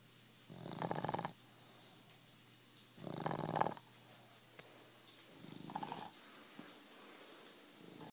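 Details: A sleeping dog's loud, scary snoring: rough, rattling snores about a second long, recurring every two and a half seconds (about 24 a minute), over quiet room noise.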